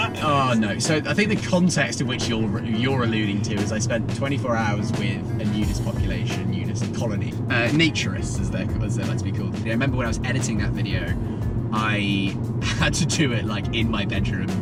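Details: Adult male speaker; normal speech.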